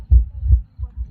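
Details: Heartbeat played through a speaker at a pulse-check attraction, low deep thumping with one full lub-dub pair and the start of another; reported as a normal heartbeat.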